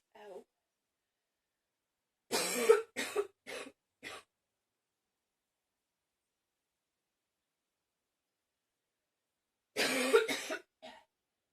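Two bouts of harsh, loud coughing, the first a run of four coughs and the second a run of about three, separated by silence.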